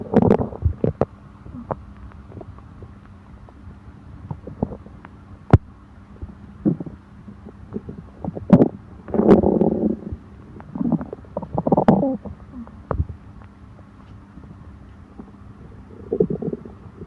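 Irregular low gurgling and rumbling bursts from the abdomen over a quiet background; stomach growling after eating.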